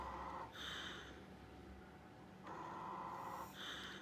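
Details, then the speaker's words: Rushing, squeaky air bursts heard by stethoscope over the trachea on a training setup as cuff manometer pressure is slowly released during minimal occluding volume technique, gone once refilled to 25–30; endotracheal tube cuff leak. "i'm starting to get a leak right you can hear that leak so maybe add a little bit of air"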